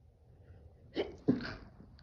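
Two quick sneezes in a row, each a sharp burst of air from the nose and mouth.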